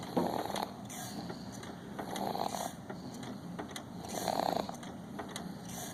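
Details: Shane, 6 months old, asleep with light snoring: soft, rough, irregular breathing noises about every two seconds over room noise.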